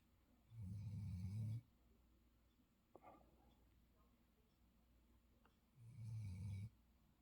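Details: Long-haired German Shepherd sleeping comfortably, low rumbling snores two breaths about five seconds apart in a quiet room; ordinary relaxed sleep snoring.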